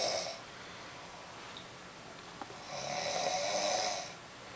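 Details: Snoring during sleep: two rasping, hissing snoring breaths about three seconds apart, with quiet between them.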